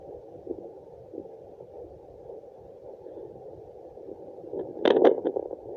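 Steady, muffled whooshing through a fetal Doppler, the placental blood flow sound, with brief scraping near the end.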